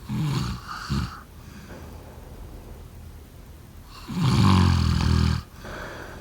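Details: Snoring.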